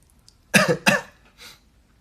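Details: Two sharp coughs in quick succession, then a soft breath out in a quiet room.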